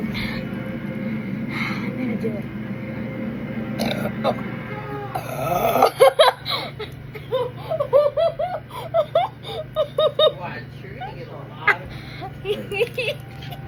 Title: Doing the chugging the soda challenge without burping went the wrong way